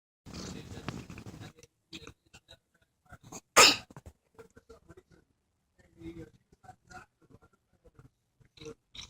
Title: coughing